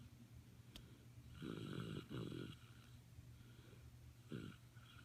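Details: A person snoring, recorded at Thanksgiving 2015: several low, rough, rattling snores on the in-breath over a steady room hum.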